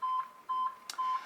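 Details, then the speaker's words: Pulse oximeter beeping from a simulated iSimulate monitor, steady evenly spaced beeps about two a second with a soft click between, with each detected pulse after the sats probe is placed in a training scenario. "it's bleeping away um as if the alarms were you know set on the monitor"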